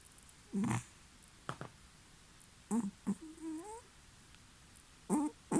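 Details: Rescue stray cat in deep sleep snoring, making pig-like snorting noises.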